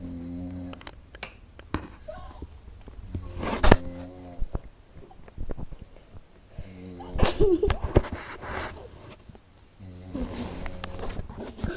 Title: snoring on couch